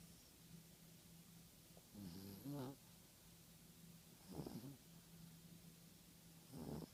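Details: Yorkshire terrier snoring: three soft, wheezy snoring breaths, roughly one every two and a half seconds, over a steady low hum in a quiet room.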